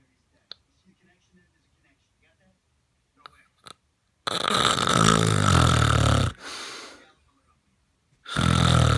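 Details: Snoring during sleep: a few quiet clicks, then two loud, rough, rattling snores, each about two seconds long with a short fade between; snoring.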